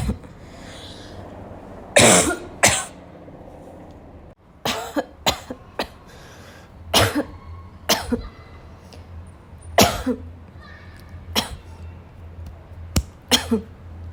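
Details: Afternoon coughing fit, tagged as a coughing girl with a barking cough, that started weak and grew violent: about a dozen harsh coughs with throat clearing over fourteen seconds, some in quick pairs.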